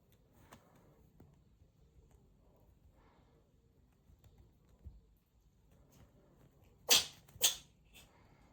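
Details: Two cats, one with an unexpected sneeze; quiet room with faint shuffling, then two sharp, hissy sneezes in quick succession.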